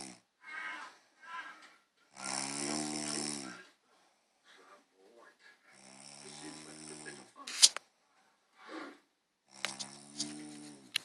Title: women do snore!